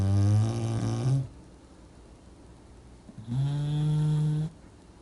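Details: Sleeping English Bulldog snoring: two long, loud, buzzing snores with a humming, almost tonal quality, separated by a quiet pause.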